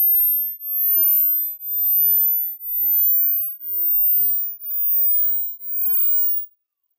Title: hearing test 👂🏻#hearing #test #shortsfeed #viralshort #youtubeshorts